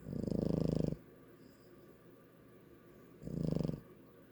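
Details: Boston Terrier dog snoring while asleep: two loud, fluttering, rattly breath sounds about three seconds apart, with quiet room noise between them.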